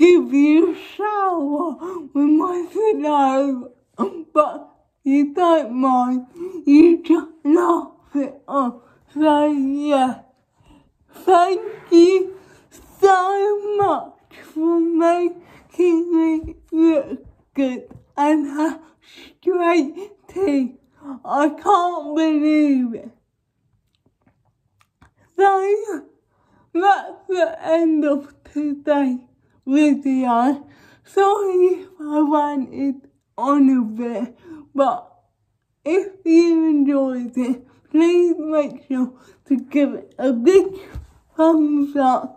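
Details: Young woman with cerebral palsy causing involuntary movements, now wearing braces on her top and bottom teeth; dysarthric speech in cerebral palsy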